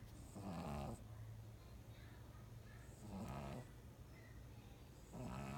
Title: Beasley the Pug Snores